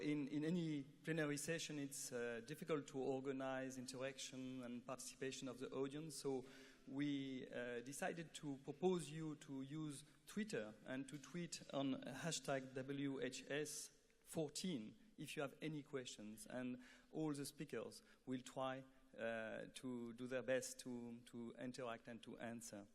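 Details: Adult male speaker; normal voice.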